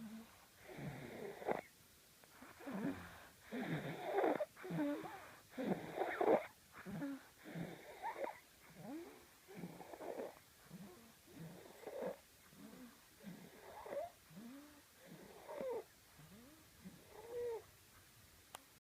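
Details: Rough, rattling snores on each breath, about 30 a minute, with some squeaky whistling tones as the breaths fade; ordinary snoring.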